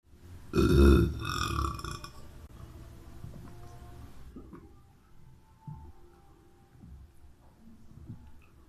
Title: Burping Boy